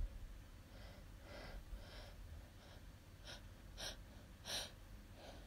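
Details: Person with a nose tickle: series of short, breathy catching gasps growing stronger over quiet room noise, building before a sneeze; gasping.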